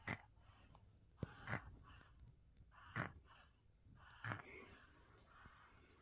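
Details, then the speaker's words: 3.5-month-old female dog snoring: snorting, rattly breaths repeating roughly every one and a half seconds during sleep. "hear that little girl? She's 3.5 months old, snoring like a grown man. Cutest snores you'll ever hear."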